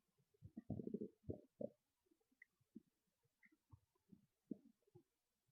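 Irregular low gurgles and rumbling growls from the abdomen, loudest early then trailing into softer bubbling; ordinary stomach growling.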